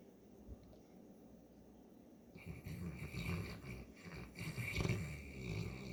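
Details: Mabel, a St. Bernard dog whose allergies are hitting hard, snoring: quiet at first, then loud, irregular snorting and rattling breathing over room noise.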